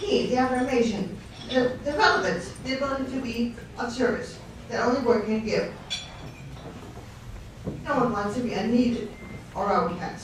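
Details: Ataxic dysarthria, apparently after a stroke, in an adult guest speaker at a fundraiser for a non-profit serving people with neurological conditions.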